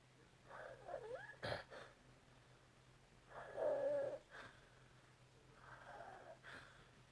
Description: OMG how can you sleep with this happening right beside you all night. And trust me this is a mild case! Its usually much louder! 😭😭😭😭